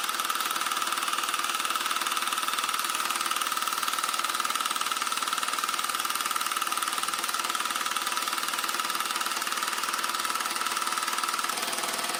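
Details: Rapid, regular mechanical tapping of about three pulses a second with a steady buzzing hum: a handheld low-intensity shockwave device for erectile dysfunction, applied to the penis, with the user reporting no pain.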